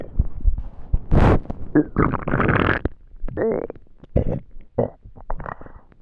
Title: Hungry stomach noises last video of the year 🎉🎊